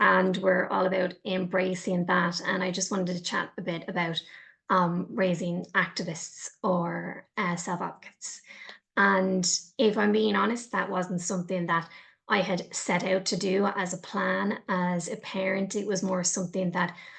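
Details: Adult woman speaking; ordinary speech.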